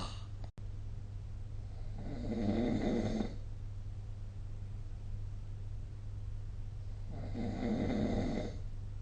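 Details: Human snoring during sleep, recorded with the SnoreLab app: two low, rumbling snores about five seconds apart over a steady room hum.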